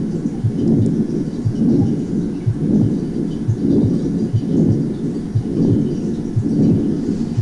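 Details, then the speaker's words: Patent ductus arteriosus: continuous machinery murmur with diamond shape, starting with the first heart sound and ending at the next first heart sound. "así podemos escuchar el soplo de la persistencia del conducto arterioso escocia en un soplo continuo vean la forma romboidal inicia con el primer ruido y termina con el primer ruido donde vuelve a iniciar otra vez"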